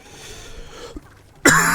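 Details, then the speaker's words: One abrupt, harsh cough from an adult at the very end, cut off mid-sound, after quiet room noise; part of a fit that left eyes watering. "Oh, excuse me. Okay, that sounded demonic. Yeah, the first cough was straight into the microphone."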